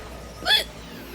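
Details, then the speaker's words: Female streamer with hiccups while playing a video game, saying she is really struggling with them: one sharp, voiced hiccup with a sudden catch of breath against quiet background noise. "[ __ ] my life i'm really struggling right now with the hiccups"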